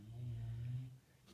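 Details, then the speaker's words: Dog asleep indoors giving a single low, droning snore just under a second long, fading into quiet room noise; snoring. "I don't know if you can hear my dog snoring down here there monster snoring hey monster did I wake you up"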